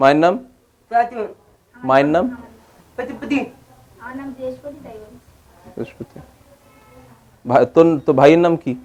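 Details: 27-year-old man from a rural area with dysarthria and speech and hearing difficulty, which began after measles at age 8 and anti-tuberculosis injections.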